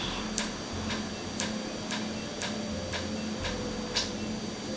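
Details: Real laser tattoo removal in a clinic. Patient reports no pain because the numbing cream worked, and the hit ink frosts over. Sharp regular clicks about twice a second over a steady machine hum as the laser fires pulses.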